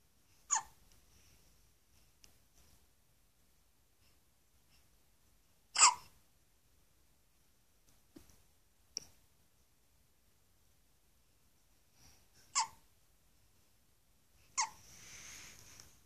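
Five sharp, brief gulping catches spaced a few seconds apart in a quiet room; repeated hiccups.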